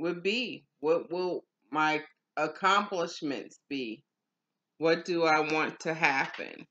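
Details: Adult woman with aphasia after stroke, in stroke and aphasia recovery; aphasia.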